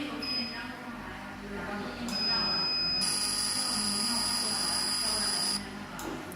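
Steady high-pitched electronic tones over a low machine hum, from a fractional CO2 laser firing in scanning mode.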